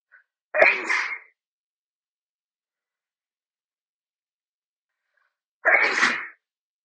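Two loud, explosive sneezes about five seconds apart, with quiet in between: ordinary sneezing.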